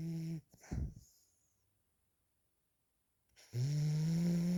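A brief snoring breath, then a pause, then a rising, droning snore on the next breath.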